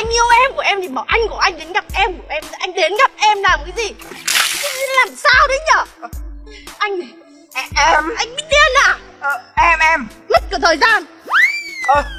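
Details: Adult woman, acted comedy skit; normal speech.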